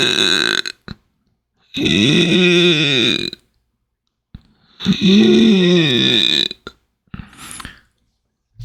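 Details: Inspiratory stridor.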